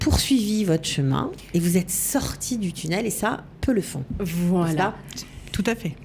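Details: Adult woman; normal speech.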